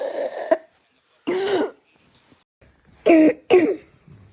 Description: The hallmark symptom of croup is the barking cough, which is often worse at night.